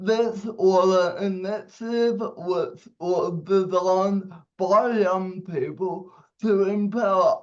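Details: 27-year-old man with cerebral palsy giving a speech; dysarthria.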